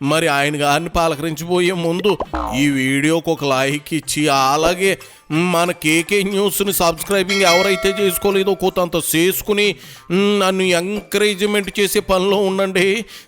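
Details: Adult male speaker; ordinary fluent speech.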